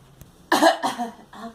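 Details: Girl (child) gives a quick run of about three coughs, the first loud and sharp-onset, the rest fading; plain cough.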